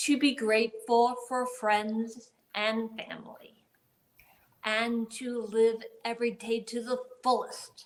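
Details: Adult woman with aphasia and paralysis after a gunshot wound to the head in 2011, speaking about 10 years later; aphasia.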